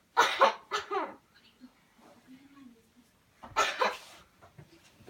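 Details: Demonstration of a cleansing-healing coughing technique: three forceful, deliberate voluntary coughs, a quiet pause with a faint voice, then two more firm coughs in a quiet room.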